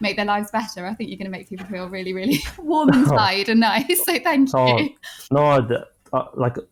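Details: Adult woman speaking; typical speech.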